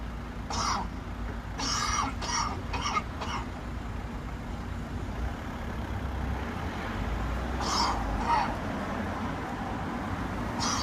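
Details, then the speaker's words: A cough played from a public-health bus shelter display alerting passersby that a cough lasting 3 weeks or more may signal lung cancer. "It's easy to ignore a cough. You've probably just done it. But if you, or someone you know, has had a cough for 3 weeks or more, it needs to get checked out."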